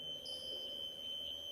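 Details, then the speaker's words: Steady high-pitched electronic alarm tone with faint room noise: an anesthesia device hangs after a live security-attack demonstration exhausts its system resources, so even the fallback ventilation fails. "you will see that the brunt that the gray pump will drop down there you go and then it hangs you hear an alarm"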